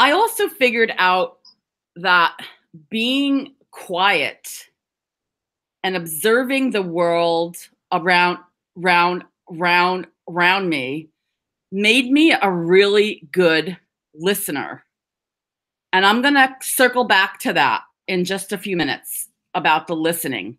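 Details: Adult woman who stutters (stammers), speaking English in an awareness talk, with word and part-word repetitions; stuttering.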